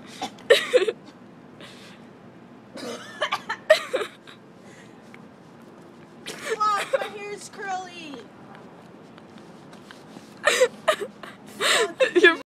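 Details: Cough from a friend described as having "virgin lungs."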